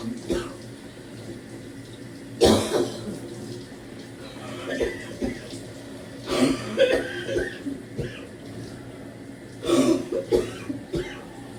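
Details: Productive cough while trying hard to clear mucus in the shower: deep, harsh, barking coughs in short bursts with throat clearing over running water. At times the coughing was severe enough to double the person over.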